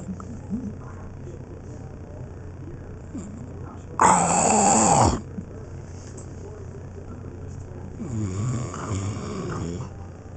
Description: Loudest snorer I know choking on candid video.